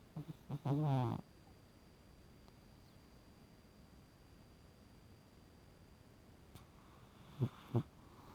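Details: Sleeping cat snoring: a few soft, snuffly snorts and one short buzzing snore, with quiet gaps between.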